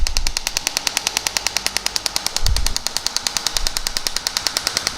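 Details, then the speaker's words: Shock wave therapy device firing on the Achilles tendon, with light pressure on the lateral sides and little force perpendicularly; rapid, steady sharp clicks at about ten a second, with brief low thuds from handling. "you really want to increase the power level to the maximum that the athlete can bear at a time and give it extra shots."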